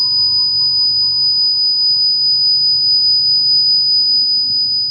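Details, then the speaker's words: Simulated tinnitus sound effect: steady high-pitched whistle over muffled low rumble, the surrounding environment filtered away as the tinnitus arrives. "il va falloir maintenant les faire interagir ensemble donc que l'environnement disparaissent quand l'acouphène arrive"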